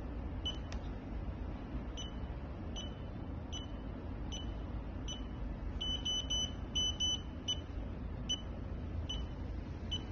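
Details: Short, high-pitched electronic beeps at uneven intervals over a steady low hum from a PC200 handheld patient monitor (NIBP, SpO2, temperature, ECG) in operation.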